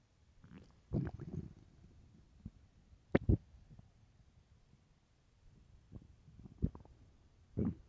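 Low gurgling rumbles and brief groans come and go from the abdomen. Ordinary hunger growling from gut movement.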